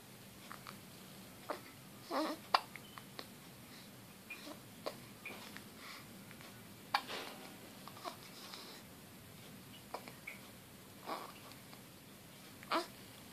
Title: Bay girl 2 weeks old hiccups